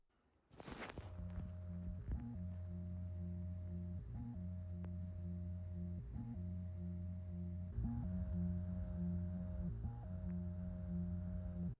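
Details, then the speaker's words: Heartbeat of a man with a surgically implanted artificial heart: continuous mechanical hum with a brief pitch change every two seconds. "this person needed surgery to have an artificial heart placed in his chest this is what the heartbeat of an artificial heart sounds"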